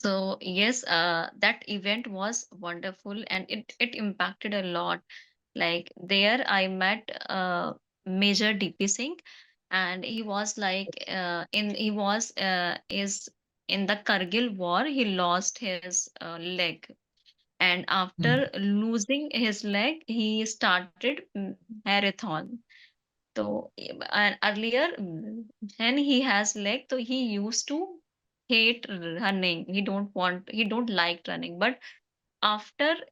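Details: Stammering (stuttering) in a woman teacher who stammers, speaking as an audience member in a podcast Q&A.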